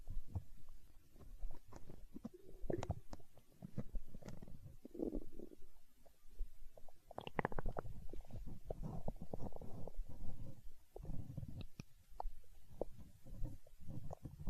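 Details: ASMR recording of a growling stomach tagged as hunger sounds: continuous low gurgling and rumbling with bubbly pops and squeaks from gas and fluid moving through the gut; stomach growling (borborygmi).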